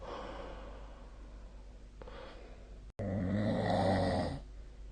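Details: Nightly sleep recording of snoring, tracked with the SnoreLab snoring app, 2025-04-11; snoring.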